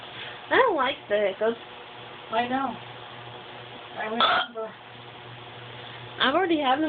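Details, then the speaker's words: Person with hiccups lasting about 5–10 minutes: several abrupt voiced hiccup catches a few seconds apart over faint room hum; repeated hiccups. "i have this hiccup"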